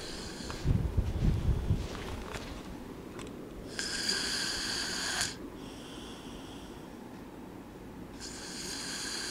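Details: Snoring from a sleeping friend: a rough snorting breath followed by high whistling breathing sounds.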